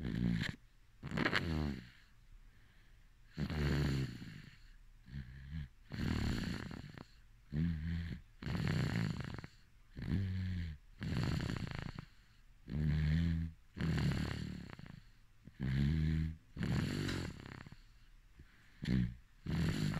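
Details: Sleeping baby snoring: soft, regular rattling snores on each breath, about 11 breaths a minute; ordinary infant snoring.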